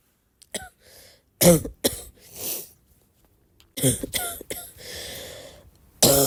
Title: my cough is getting worse (or better, depends to the point of view) - comment what you think 😘